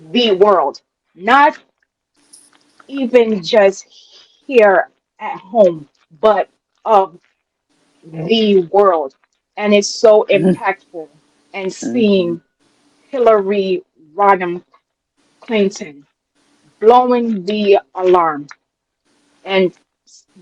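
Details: Adult woman, real, self-reported speech impediment that she calls her "disability"; dysfluent speech.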